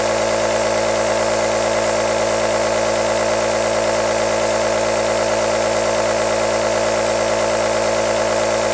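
Steady loud buzzing hum with a fast rattling pulse, the constant motor noise of a running nebulizer compressor.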